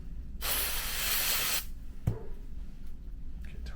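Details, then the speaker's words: Vapocoolant cold spray applied to the toe before local anaesthetic injection for total toenail avulsion of a fungal toenail: a steady hiss of aerosol spray lasting about a second, then quiet room noise. "all right so a bit of cold spray [Music] here nice and refreshing and you're going to feel a tiny pinch"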